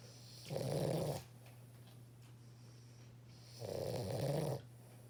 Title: Our puppy snores soooooo loud like OMG LOL